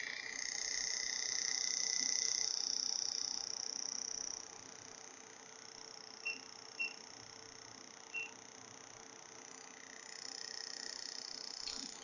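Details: Biotronix PMST NEO Plus magneto-laser physiotherapy unit, 7 Tesla magnetotherapy, in a mode cycling three set frequencies (1–50 Hz range, e.g. 28 Hz): high-pitched electronic whine shifting in pitch and level, with short beeps, as the applicator runs.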